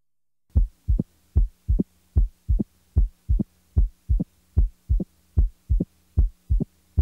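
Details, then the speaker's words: Opening snap: a short, sharp, high-frequency extra sound 60–100 ms after the second heart sound in early diastole, typically from mitral stenosis; best heard with the diaphragm pressed firmly; regular rhythm near 75 a minute. "the opening snap is a short high frequency sound which occurs after the second heart sound in early diastole"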